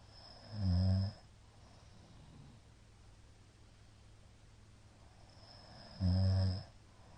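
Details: Middle-aged man's (ojisan) snoring during sleep: two loud snores about five seconds apart with quiet, shallow breathing between; frequent shallow hypopneas suggest sleep apnea syndrome.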